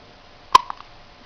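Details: A young girl with hiccups: a single sharp, high-pitched hiccup followed by two faint smaller sounds.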